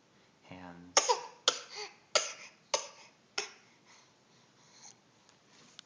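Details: Child, first thought to be faking, really has a cough: a brief voiced sound, then about five sharp, explosive coughs with short tails in a quiet room.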